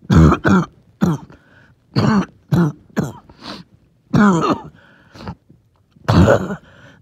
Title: Wheezy, Phlegmy cough